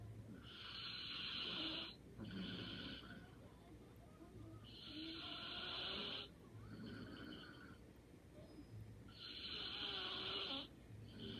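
Soft, rhythmic snoring on each breath in, about 14 breaths a minute, in a quiet room.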